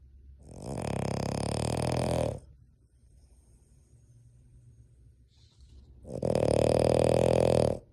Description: Boston Terrier snores with his eyes open and his tongue out!